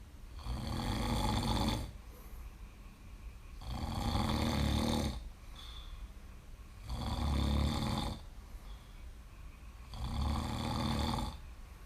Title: Snoring on the couch